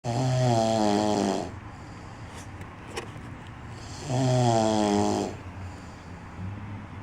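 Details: Loud snoring in a man, likened to two chainsaws: rattling, low-pitched snores on each breath in, about every four seconds, roughly 15 breaths a minute, with quieter breaths out between.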